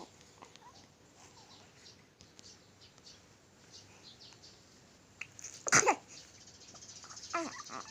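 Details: Quiet room, then a sudden sharp burst and a softer snuffly sound: a sneeze from a one-week-old baby. Finding: sneeze.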